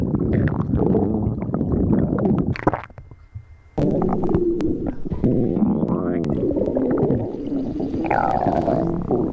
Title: STOMACH GROWL